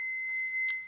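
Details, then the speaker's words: Training defibrillator (demonstration AED without battery) switching on during a first-aid demonstration: steady high electronic power-on beep with brief clicks and rustling. "Так ми зупинимося на навчальному на навчальному і будемо ним користуватися включаємо дефібрилятор І дальше він нам все каже що робити"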